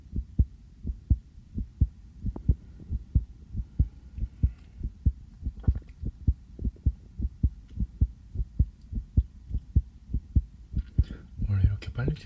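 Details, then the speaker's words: Own heartbeat via a sensitive stethoscope, somewhat fast after just coming in from outside: steady, brisk lub-dub with stethoscope rubbing noise near the end; clear heart sounds. "저도 제 심장 소리를 이렇게 크게 듣는 건 처음이네요. 왜 이렇게 빨리 뛰지? 여기 와서 잘 들린다."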